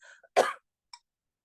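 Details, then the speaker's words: Adult speaker during a live talk; a single sharp, dry, isolated cough with a brief throat clear, followed by an apology. "[cough and clears throat] Sorry."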